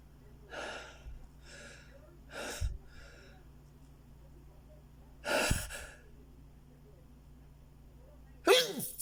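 Several short breathy bursts, with two sharper sneezes, in a quiet room with a low hum.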